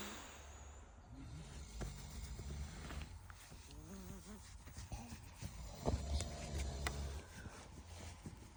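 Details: Sleeping bulldog snoring, sleeping in: low rumbling, snorting breaths with wheezy squeaks over faint room noise.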